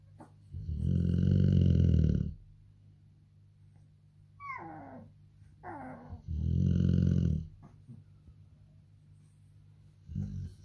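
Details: Snoring from a sleeping Bullmastiff mother and her son: loud, deep, rumbling snores on inspiration with thinner squeaky snores between them.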